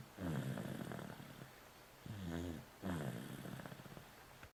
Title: Snoring